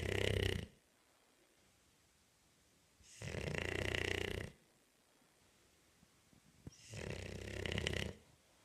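Loud, rough, rattling snores from a bulldog, one long inhalation about every three and a half seconds, with quiet pauses between.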